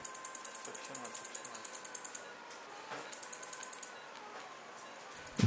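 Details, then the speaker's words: Rapid regular ticking pulses in bursts from a phacoemulsification machine, faint tone, quiet room noise, as the first of two last hemi-nucleus fragments is emulsified during horizontal phaco chop cataract surgery on an elderly man's hypermature cataract. "the first of these two last fragments is emulsified"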